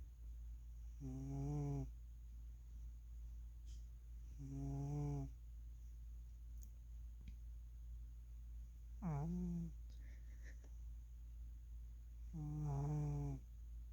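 Four loud, pitched, buzzing snores at a slow, steady pace of about 17 a minute over a low steady hum; ordinary snoring in a sleeping cat.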